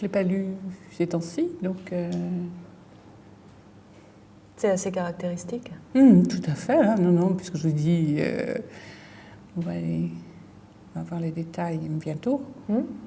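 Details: Female patient with a brain lesion; fluent aphasia with word-finding difficulty, word substitutions and distorted words.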